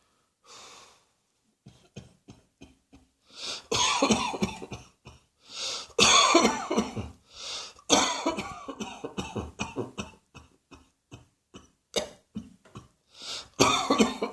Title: Cross Dressing Coughing 100